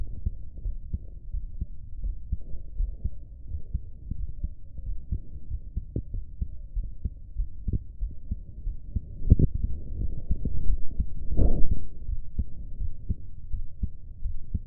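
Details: Steady, low heart thumps at roughly 63 beats a minute, with a faint hum and some rubbing noise: the recorder's own heartbeat.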